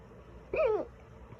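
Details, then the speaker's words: Single loud, abrupt voiced hiccup with sharp onset and short falling vocal sound, from an adult with sudden persistent loud hiccups lasting about ten minutes after eating a small salad; hiccups. "Just got a case of hiccups, like out of the blue, just out of nowhere. Usually if I get them, they go away pretty fast, but these seem to want to hang on."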